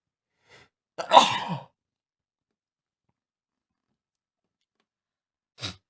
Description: It's day three of my boyfriend's cold and he is a sneezy mess, we only just woke up and he had a wet fit in the bed next to me.